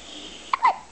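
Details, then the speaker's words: Infant hiccup in a baby, hiccups coming and going: a brief sharp catch followed by a short voiced squeak. "hi hiccups got the hiccups get the hiccups are you hiccuping"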